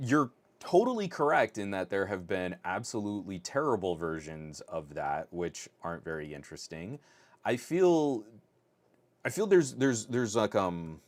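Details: Adult male podcast host who stutters, saying his stutter is starting to kick in; stuttering with part-word and word repetitions.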